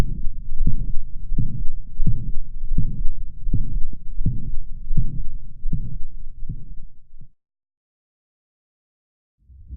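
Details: Dog with mitral valve regurgitation, heart rate about 80–85 and well compensated: a regular beat with a loud slamming S1 and a holosystolic murmur starting at the same moment as S1.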